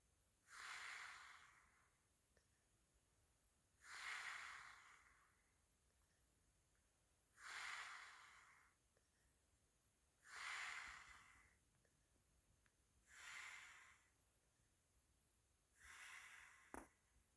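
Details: Snoring during sleep: six hissing, fluttery breath noises at about 20 a minute with quiet pauses between them.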